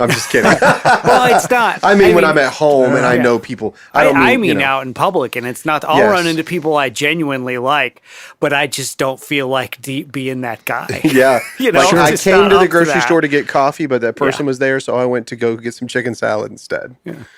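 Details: Adult male speaker; Normal conversational speech.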